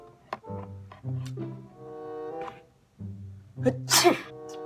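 Acted sneeze in a skit: a loud, explosive burst after a few catching breaths, over cello-like music.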